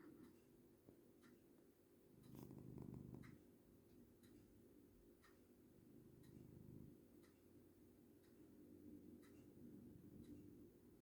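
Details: Cat sleeping on its owner's lap, snoring heavily: soft, low, purr-like rumbling breaths about every three to four seconds, with faint regular ticking behind; snoring.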